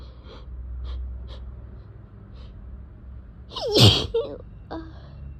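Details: Quiet sniffing breaths, then a sharp inhaled gasp and one forceful sneeze, from a person strongly allergic to cats with a tickling nose, sore throat and swollen eyes; allergic sneeze.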